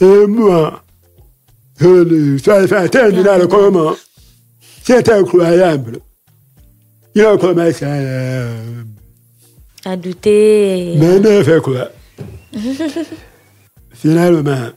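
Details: Deaf speech from a man who lip-reads, deaf since a childhood illness, who says his voice has not been normal since a throat operation in a Libreville paediatrics department as a child.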